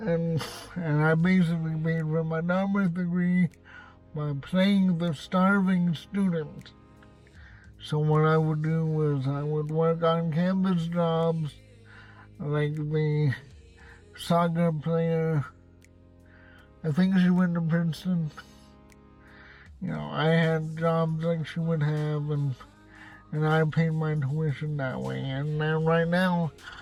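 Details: Adult male with cerebral palsy, who says he has a speech impediment, speaking in his car; dysarthria (cerebral palsy).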